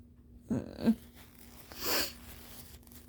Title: Early-morning congestion, with loud, squeaky nose-blowing and coughing 🤧😫😅😪😴